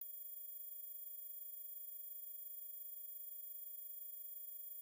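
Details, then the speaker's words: A faint, steady, very high-pitched high-frequency test tone presented as a hearing check that only kids can hear, not adults. "if you heard this high frequency sound like the video and leave a comment"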